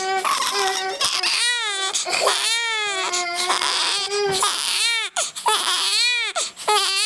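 Loud, repeated wailing cries with brief gasps between them, sustained throughout; ordinary infant crying.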